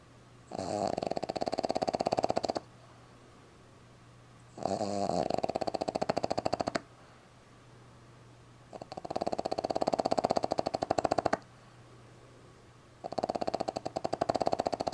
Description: Our Boston Terrier Puppy Sleeping - Snoring - Tongue Out